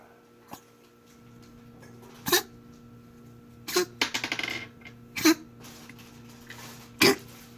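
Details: Dog coughing in a quiet room: several short, forceful hacking bursts, one a rapid run of retching-like coughs, with a faint background hum.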